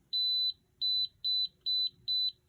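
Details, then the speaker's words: Apex locator with a lip clip, during endodontic file advancement in a root canal: five quick, steady, high-pitched beeps signalling that the file has reached the apex (zero mark); advancing further would indicate the periapical tissues. "we try to go inside the canal this is apex locator that is showing that we are going into the canal"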